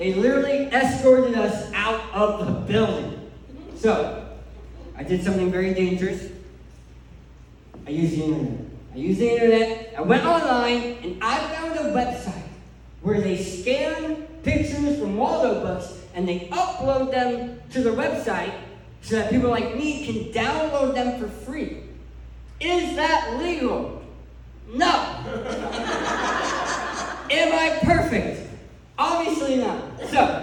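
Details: Adult male who lost 80% of his tongue to cancer, with a permanent speech impediment: speech impediment after partial glossectomy.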